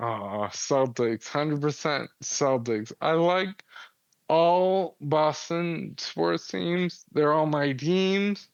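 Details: 35-year-old man with Friedreich's ataxia, a progressive inherited neurological disease diagnosed at 19, affecting muscle coordination including jaw and tongue movement, speech problems noticeable since about age 33-34, wheelchair user; ataxic dysarthria.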